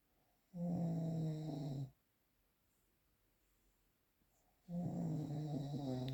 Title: The sound of - Snoring #3